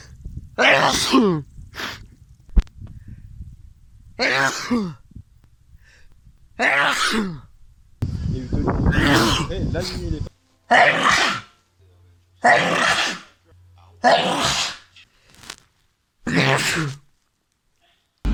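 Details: Repeated sneezing from a person claiming to sneeze 85 times: a rapid series of about nine sharp, explosive sneezes with brief pauses between them.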